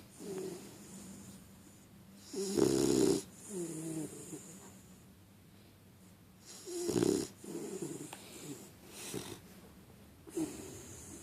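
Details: Loud, rattling snores on each breath in, with softer breaths out, at about 14 breaths a minute; snoring.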